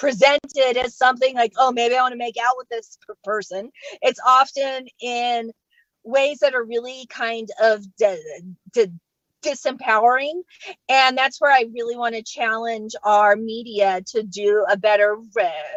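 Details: Adult female comedian who stutters and says she does not fake it, speaking live during a comedy set; stuttering.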